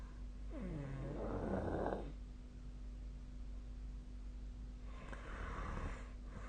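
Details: Snoring during sleep: low rattling snore on an in-breath, then a quieter breathy breath, over a steady background hum.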